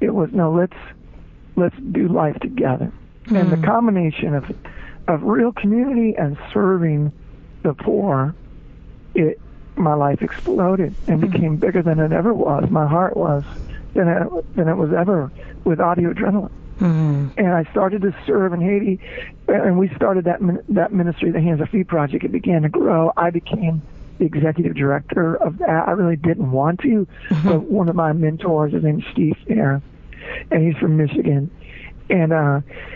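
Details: Spasmodic dysphonia, involuntary spasms of the muscles around the larynx, in an adult man, a former rock band lead singer, diagnosed with the condition, which left him unable to sing.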